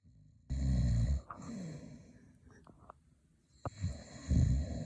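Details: Loud, low, rattling snores on inhalation with quiet pauses between, from a dad snoring in his sleep; snoring.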